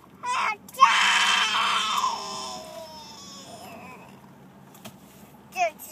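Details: Child crying: a short sharp burst, then a loud tonal wailing cry fading into whimpers; crying.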